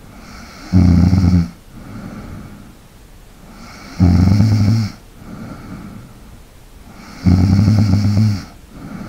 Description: LIGHT BREATHING. RELAX AND FALL ASLEEP TO THE SOUND OF SNORING.